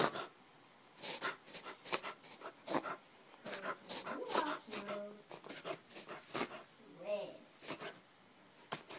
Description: Our foster puppy reverse sneezing. Four month old basset hound.